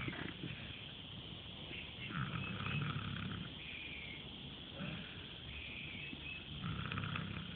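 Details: Sleeping animal crashed out on a hot afternoon: low, rough rumbling noises with each breath, roughly every two seconds, snoring.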